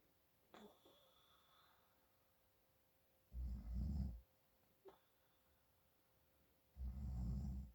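Two deep, rumbling snores on the in-breath, several seconds apart, with quiet pauses between; snoring from nasal congestion.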